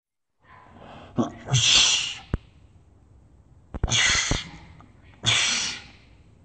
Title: Doc ock sneeze attack